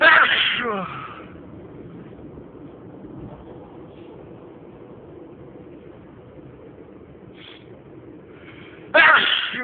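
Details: Loud, unstifled sneezes: two sneezes several seconds apart, with quiet traffic-like background noise between; sneezing fit.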